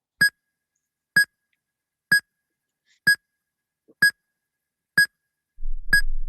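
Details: Short, bright electronic beeps, about one a second, from a medical alarm played in a demonstration video on softening music in the room to improve alarm perception; medical alarm beeps.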